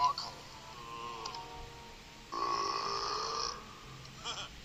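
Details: Burping while eating: a drawn-out, low, throaty voiced burp after some quiet noises.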